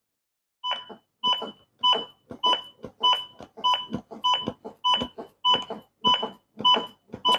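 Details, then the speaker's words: Steady electronic beeps at about 100 per minute from an AED metronome pacing chest compressions after a delivered shock, during adult AED training; in training the metronome starts only after a button press. "aslinya metronom itu langsung bunyi dari awal tapi kalau kita training saya harus tekan dulu baru metonomnya bumi bunyi padahal aslinya gak seperti itu"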